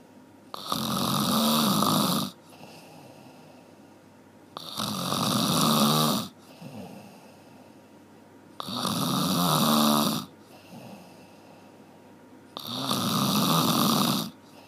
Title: 1 Hour Snoring เสียงกรน 1ชั่วโมง